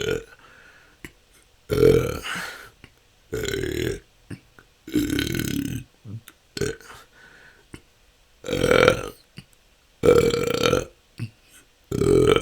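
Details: Self-recorded continuous 10-minute session of natural burping with a better microphone; belching can go on for hours and has been a struggle for a couple of years. Repeated loud voiced belches, about seven in twelve seconds, with short quiet gaps: excessive belching (eructation).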